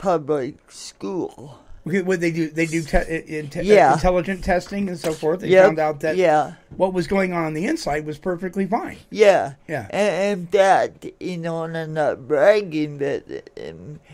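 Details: Adult speaker; typical speech.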